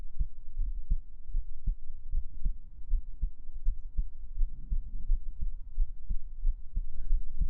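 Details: Heartbeat ASMR recording with a steady, regular lub-dub at about 80 beats per minute over a low hum; a normal heartbeat.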